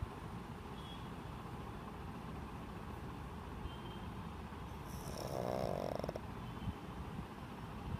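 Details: A loud snore from a sleeping, dreaming two-and-a-half-year-old male pug: snoring.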